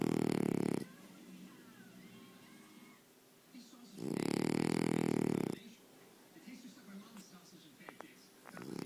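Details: Loud, rough, rattling snores on the in-breath, separated by quiet pauses with faint breathing; two to three snores heard; snoring.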